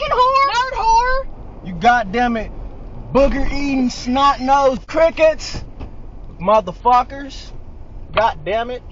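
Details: Woman with Tourette syndrome producing vocal tics: shouted words and phrases, coprolalia and nonsensical phrases.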